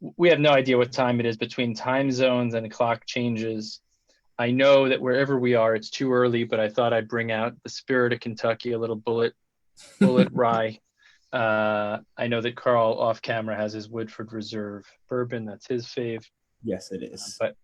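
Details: Adult man speaking; Normal conversational speech.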